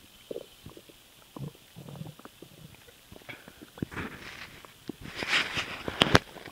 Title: STOMACH NOISE WHEN SWALOWING AIR